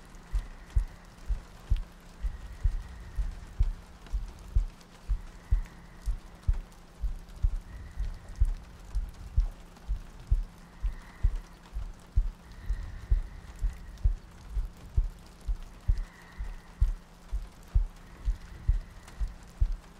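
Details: ASMR sleep-aid roleplay of cuddling next to a girlfriend on a rainy night, a looped track with soft breathing: steady low thumping heartbeat at about 64 a minute with soft rain in the background.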